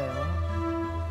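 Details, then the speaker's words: A hearing-loss lecture plays music as heard with normal hearing, in contrast with moderate hearing loss needing hearing aids and severe loss needing a cochlear implant. "정상 청력이 잘 들려요네 들려요음"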